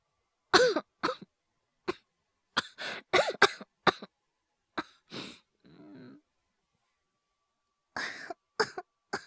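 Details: Acted cough (all performed) by a male VTuber voice actor in a cough/asthma/hyperventilation ASMR compilation: repeated short bursts of coughing with a brief strained, wheezy inward breath between bouts.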